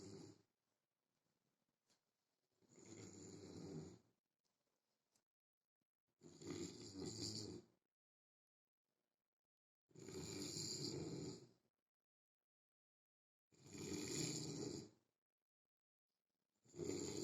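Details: Loud, harsh rattling snores on each breath in, about 17 a minute, with silent pauses between; heavy snoring in a sleeping soldier.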